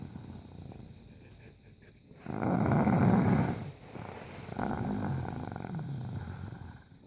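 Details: A very tired person gives loud, rough, rattling breaths in two long bursts against a quiet background; snoring.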